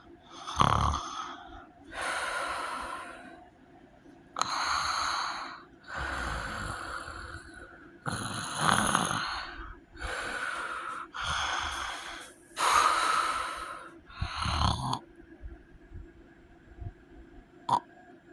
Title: heavy snoring and sleep apnea